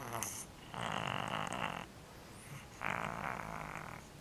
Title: Lizzie Cat Snoring